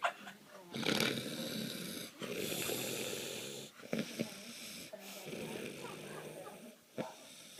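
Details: Man snoring with long, rough, rattling breaths and brief gaps in a quiet room; reportedly he just stops breathing during the gaps.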